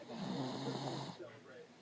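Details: Snoring in a sleeping adult woman: a single rough, rattling breath of about a second, then quieter breathing.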